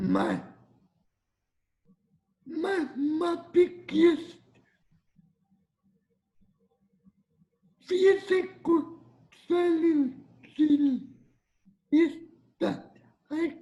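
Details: 22-year-old man with cerebral palsy affecting mobility; dysarthria (cerebral palsy).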